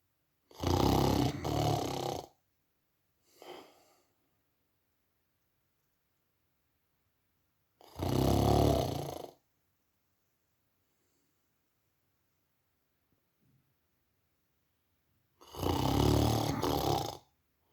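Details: Three loud, rough snores, each nearly two seconds long and about seven seconds apart, from a sleeper in a quiet room: ordinary snoring.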